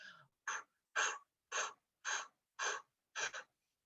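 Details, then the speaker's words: Simulated: an instructor imitates a mother pushing during a labor contraction, with about seven rhythmic, forceful puffing exhalations as the contraction builds. "So if I were pushing with a mom and she starts getting a contraction, it would sound like this."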